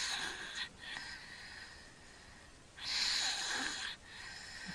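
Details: Sleeping young boy, home video, with obstructive sleep apnea: noisy, hissing snoring breaths through the mouth, not the nose, while not congested, with breath-holding and gasping for air.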